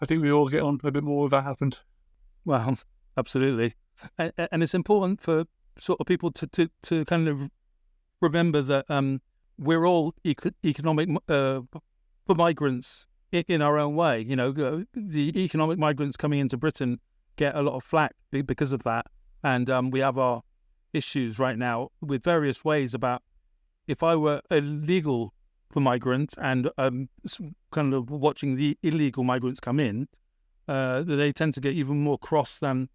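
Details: Adult British man (born 1975) with a persistent stammer, a big issue around age 28-29, treated with speech therapy in Britain after his Masters: stammering.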